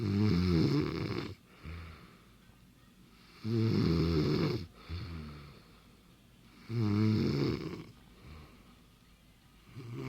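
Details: Woman snoring in bed: loud, low, rattling snores on each in-breath, about 18 breaths a minute, with quieter exhalations between.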